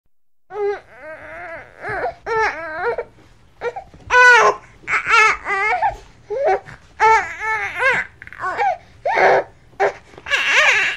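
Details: Angry infant crying (sound effect): repeated wailing bursts with rising and falling pitch, separated by short breaths.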